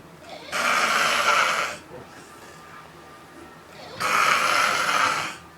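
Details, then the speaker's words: Adult man passed out asleep after drinking alcohol: two loud, harsh rasping breaths with quiet breathing between, roughly one every three to four seconds; loud snoring. "is what happens when you can't hold your liquor. Your ass get knocked out, fall out, and snoring like a motherfucker."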